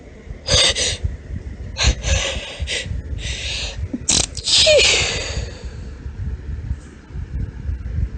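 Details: Deliberately performed girly sneezes from a female: several sharp, high-pitched sneezes with quick hitching catch breaths between them, ending in a sniff.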